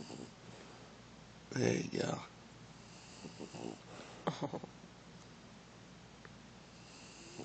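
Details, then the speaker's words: Dog snoring with its eyes open while appearing awake and following the camera: two loud, rough snorting breaths, then a few softer snuffling ones over quiet room noise; snoring. "Why are you snoring? I don't believe you."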